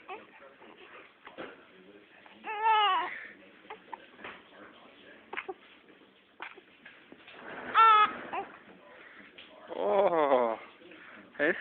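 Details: Baby opening her eyes, with hiccups: three short wailing cries between quiet fussing, soft background noise; infant cry.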